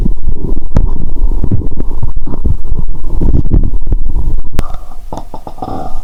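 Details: Stethoscope on the abdomen while lying down, after drinking cola with Mentos: loud, continuous low gurgling and rumbling, no sloshing or popping heard; active bowel sounds.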